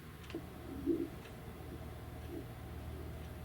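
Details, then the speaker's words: Continuous pulsed-wave (PW) Doppler signal from the speaker's own inferior vena cava on a Mindray TE5 ultrasound: soft, low, continuous whooshing with gentle swells, a normal IVC venous Doppler signal. "so that's the sound of my IVC"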